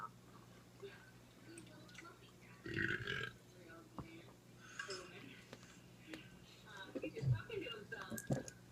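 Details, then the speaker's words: Several low gurgling belches amid background talk and room noise. They come from a person on a Skype call, not from the person who just drank a cold beer. Ordinary burping. "was not me this time because you saw me drinking that was in my skype call he burps too"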